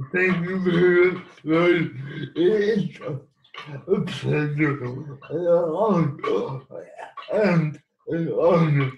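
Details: Dysarthric speech in cerebral palsy in an adult man living with the condition.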